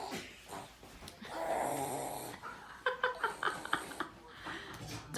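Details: One-year-old girl imitating her grandmother's snoring: a drawn-out rasping snore sound, then short puffing noises; a playful imitation, not real sleep breathing.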